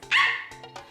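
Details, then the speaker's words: A 24-year-old woman with Tourette syndrome, diagnosed at age 12, makes an involuntary sudden high-pitched yelp-like vocal burst then two brief clicks; simple vocal tic. "So these weird movements and sounds I'm making that aren't like normal, those are tics. Can't control them, and that's just a part of my disorder."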